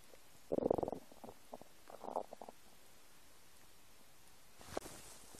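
Short bubbly gurgles and rumbles from an empty stomach over quiet background; ordinary stomach rumbling.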